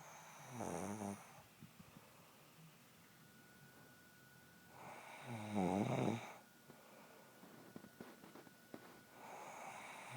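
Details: Adult woman snoring in her sleep in a quiet room, recorded by her husband: slow, rattling inhaled snores about 4.5 seconds apart, around 13 breaths a minute; ordinary snoring.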